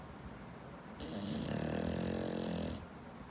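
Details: Sleeping English bulldog snoring: one drawn-out, low, fluttering rattle on a breath in, over room noise.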